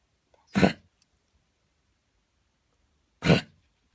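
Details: Dog with cough that began yesterday while running in the park and recurred this morning on and off for half an hour; owner says something is stuck; two short, harsh single coughs about three seconds apart, quiet room.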